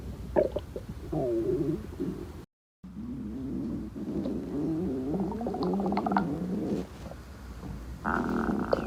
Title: Stomach Growls 5